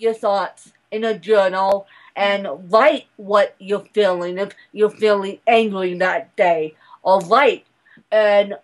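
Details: Adult woman speaking; mild dysarthria (cerebral palsy).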